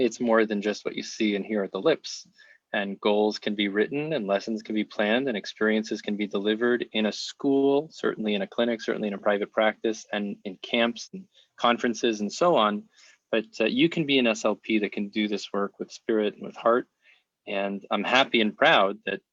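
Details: Adult male speaker; ordinary speech.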